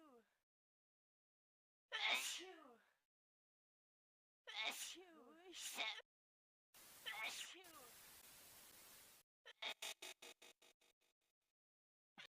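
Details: From a compilation of 25 different sneeze types in 54 seconds: several separate voiced sneezes of differing styles, then a quick run of small rapid sneezes; ordinary sneezing.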